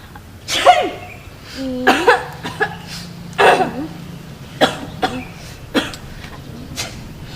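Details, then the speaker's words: Acted, uncovered sneezes and coughs from young adult students in quick succession with brief voiced sounds between, staged to show cough and sneeze etiquette. "Guys, kalau kalian batuk atau bersin, itu mulutnya ditutup ya kalau bisa. Nggak banget tahu kalau sampai virusnya itu nyebar. Soalnya pas kalian batuk atau bersin, virus itu bisa terbang cepet banget."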